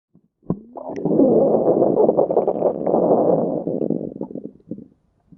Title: stomach growling 3